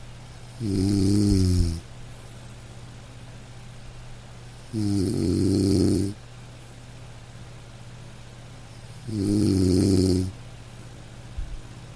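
Three loud, rattling, low-pitched snores, each about a second long with quiet pauses between, roughly 14 a minute. Steady sleep snoring over faint room hum.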